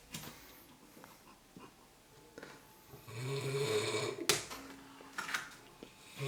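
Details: Snoring during sleep: a loud, rough, fluttering snore on a breath in a quiet room, with softer breathing noises around it.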